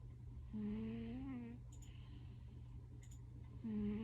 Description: This is Preacher. He snores very loud and he is my god.